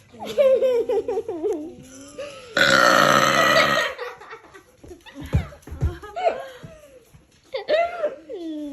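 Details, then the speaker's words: Deliberate burping on request from cousins, who laugh in the background: a long, loud, rumbling belch with voices around it. "Do another burp. Burp. Okay, do the longest one."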